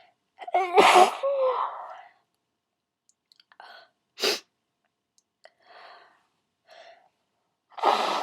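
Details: Requested loud wet sneezes: three loud, wet, explosive sneezes, first with voiced build-up, followed by short breaths and sniffs; sneeze.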